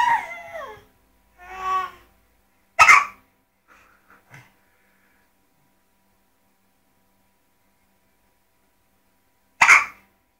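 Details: Hiccups: two sharp, brief hiccup bursts about seven seconds apart, following some vocal sounds.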